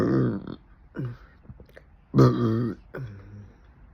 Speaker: Stop. Every time I try to burp, I hiccup.